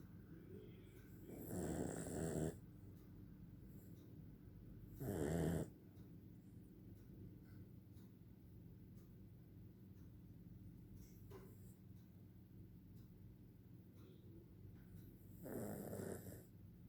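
Low, rattling snores on a few slow breaths with quiet pauses between; ordinary snoring from a sleeping dog.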